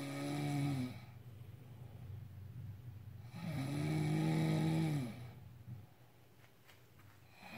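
Two long, loud, buzzing snores on breathing in, with quiet breathing out between them: ordinary snoring.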